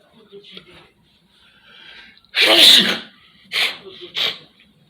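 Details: Early morning in a living room: soft snotty sniffing, then one loud explosive sneeze followed by two smaller ones, three in all; sneezing.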